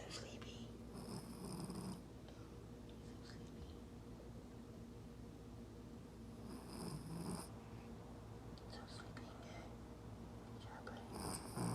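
Soft, irregular rumbling breath noise with a few brief snorting bursts in a quiet room; snoring in a sleeping dog.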